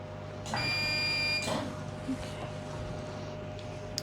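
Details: Hestia-S CO2 fractional laser doing facial resurfacing in a nurse's clinical demonstration on a female patient, working at the crow's feet: steady high tonal whine with buzzing for about a second, then a short burst and low room hum.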